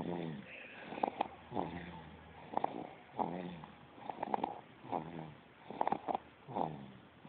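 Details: Jaiden, 2 months old, snoring during sleep: repeated soft voiced snorts and snuffling breaths, about eight in seven seconds.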